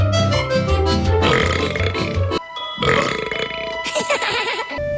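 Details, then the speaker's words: Simulated burping from an animated cartoon (American Dragon: Jake Long), troll belches: loud, drawn-out cartoon belches over music and sound effects. "troll belches yeah she was all smiles until dude that's mr. baby rot what really is kind of cute when you"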